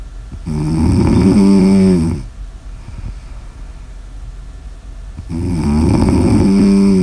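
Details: Sleep snoring in an ASMR recording: two loud, vibrating, droning snores on breathing in, with a quiet pause between.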